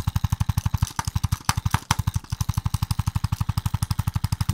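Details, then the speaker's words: Rapid, regular mechanical tapping at about four taps a second from a handheld chiropractic adjusting instrument working over a patient's upper back to help head posture. "next thing we're going to do I'm going to tap his upper back portion of it really helps him get his head back to where his uh back in a proper position prevent"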